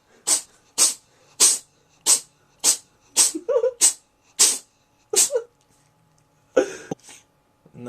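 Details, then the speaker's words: Pet cat having a sneezing attack while its owner talks: a rapid run of about ten sharp, hissy sneezes in under six seconds, with a brief voice afterward. A sneezing fit. "I've had this cat for like hold on I'm being rudely interrupted by by epic sneezing"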